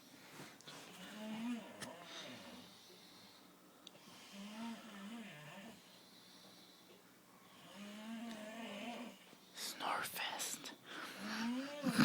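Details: Repeated soft, whistling, rattling snores on each breath, about every three seconds, with a few louder snorts near the end; snoring.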